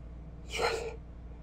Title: Obnoxiously stuck sneeze